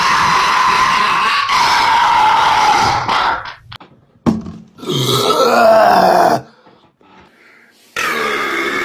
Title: Ranking The Best Burp Moments 🤣 #youtubeshorts #shorts #burping #funny #rankings